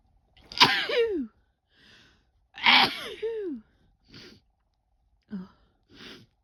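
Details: Adult woman sneezing: two loud, explosive sneezes, each a sharp burst trailing into a falling voiced sound, with softer sniffs and breaths between.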